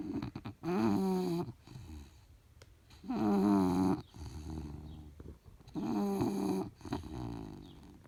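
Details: 9-month-old bulldog sleeping beside his owner, snoring: loud, rattling snores about every three seconds with quieter breaths between.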